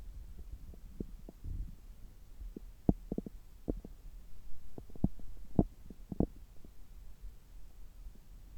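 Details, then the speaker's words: Stethoscope on an adult's abdomen about three hours after a meal: soft low gurgles and brief clicks and pops over a quiet hum, normal active bowel sounds. "今日は久しぶりに聴診器を使ったお腹の音を取っていきたいと思います。今は、食後3時間後ぐらいで、ちょうどお腹がよく動いている時間だと思います。"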